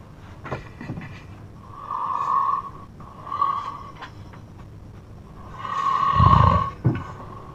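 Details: Very loud, rough snoring with a deep rattling quality on each breath from a brother asleep, with room noise between snores.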